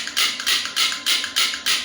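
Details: Sharp, hissing clacks repeating about three times a second from an electromagnetic shockwave therapy handpiece applied to the elbow.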